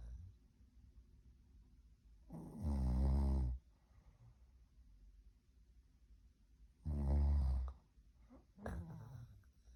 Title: Snoring loud & clear like a real tiered mom